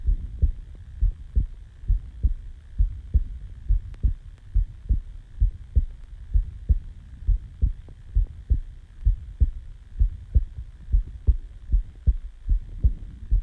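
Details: Normal resting heartbeat recorded right after waking from sleep: steady, dull paired thumps at about 65 beats a minute over a faint hum.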